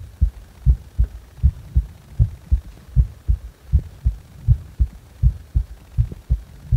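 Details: Heart sounds recorded while the person felt discomfort in the heart: regular paired heart sounds at about 80 beats a minute.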